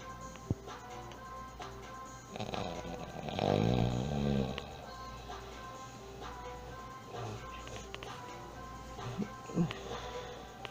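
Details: Snoring very loudly: one loud, rattling snore over background music with fainter breathing noises around it. Snoring.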